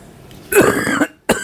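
An adult gives a brief throat clear and cough, then a second short burst, in a quiet room.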